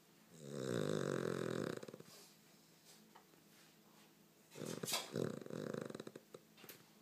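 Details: Loud snoring from a sleeping dog, cause unknown: two rattling, buzzing snores of about 1.5 seconds each, with quiet breathing between.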